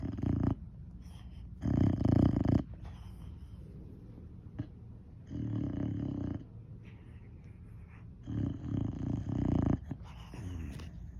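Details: Sleeping female Boxer dog snoring while dreaming: deep, rattling snores on each breath, about every three seconds, with faint room noise.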